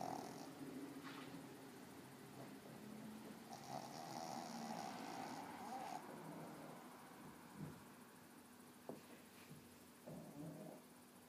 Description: Cozmo the pug is 13 years old and had a big walk. He snored and twitched away after his big walk.